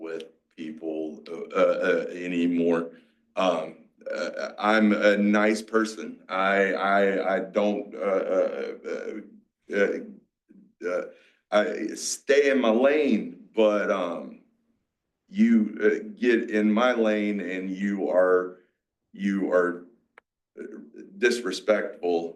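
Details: 47-year-old man with aphasia, a mix of Broca's and Wernicke's, after a massive stroke 6 years ago, with strokes and seizures; he relearned to talk and still has word-finding blocks.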